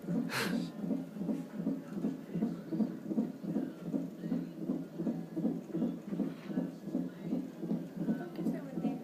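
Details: Fetal heartbeat on doppler at about 37 weeks of pregnancy (mother unsure), fetus having hiccups: rapid, regular whooshing pulses at about 158 a minute.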